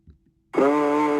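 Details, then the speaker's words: Egophony through a stethoscope, with loud static background: patient says "e" but a nasal, bleating "a" is heard, a positive finding for lung consolidation. "so that individual was saying e and you could hear clearly hear a coming through the stethoscope that would be a positive finding for lung consolidation"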